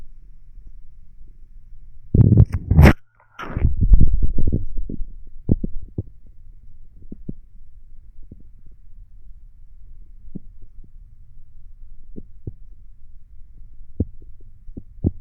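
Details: Bowel sounds recorded while lying down: low gurgling stomach rumbles and scattered short pops.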